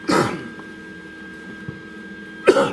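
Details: Two short, harsh coughs about two seconds apart over faint electrical hum, from an adult with a chronic cough due to respiratory issues, while welding with fumes and smoke present.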